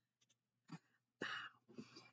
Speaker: If you hear the little chihuahua coughing in the back, it's my grandma's dog. She's ancient.